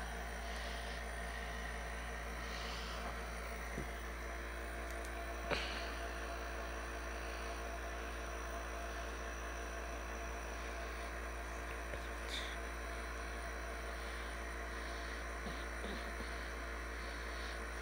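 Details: Steady, unbroken mechanical hum with a low drone, faint hiss and a few small clicks; continuous running sound of a compressor nebulizer.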